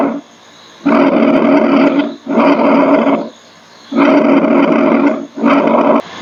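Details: Loud, harsh, hollow breath sounds with a clear pause between breathing in and out, played as a nursing exam teaching example: bronchial breath sounds.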